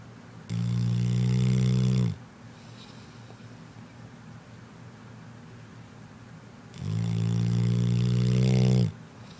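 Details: Snoring from a sleeping female dog: two long, loud, droning snores about six seconds apart, roughly 10 breaths a minute, with quiet exhalations between.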